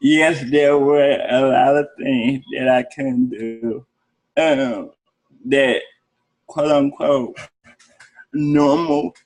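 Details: Adult man with cerebral palsy speaking in an interview; dysarthria (cerebral palsy).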